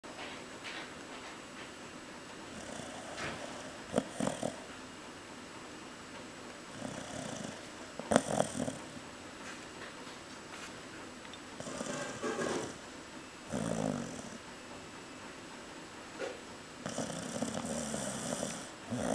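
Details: Female chow chow snoring lightly in deep sleep, soft rattling breaths every few seconds; she snores louder as footsteps approach, with talking in the background.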